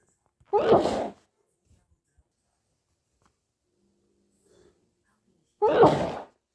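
Two loud explosive sneezes about five seconds apart in a quiet room.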